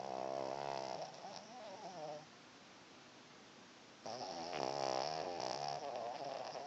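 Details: Snoring and dreaming during sleep: two long, rattling, buzzy snores separated by a quiet pause.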